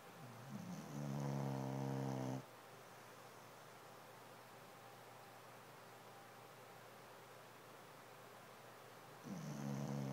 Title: Snoring dog!